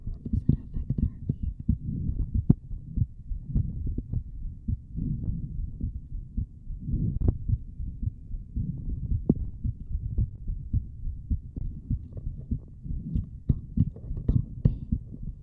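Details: Heartbeat recorded through a microphone held to the chest during an ASMR stream: steady low thumping that seems to pump twice normally, then twice very hard, loud enough to clip the mic. Normal heartbeat.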